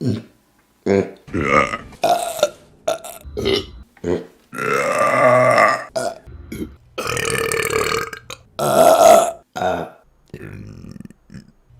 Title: Burping Compilation September #1 | RBC